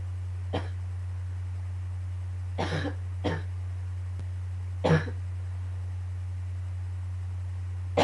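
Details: Coughing fit right after waking in the morning, becoming painful by the end; four separate cough bursts over eight seconds with a steady low hum.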